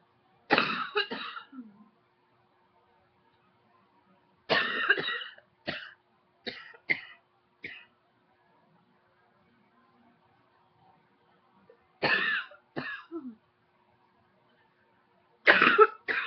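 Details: Four bouts of harsh coughing, each of two to five quick coughs, with quiet pauses between the bouts.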